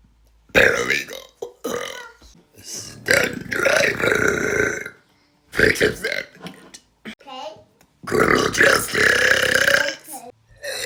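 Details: Woman deliberately burping: several long, loud burps in a row, some drawn out and shaped like words, while listing her likes and interests.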